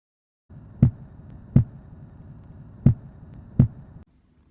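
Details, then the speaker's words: Normal heart sounds in a student anatomy review: four evenly loud low thumps over a soft hum, heard as lub-dub pairs. S1 is AV valve closure. "So, the video you just heard was the basic rhythm that your heart makes. Lub, dub, pause, lub, dub. And these sounds are just when your valves in your heart are closing."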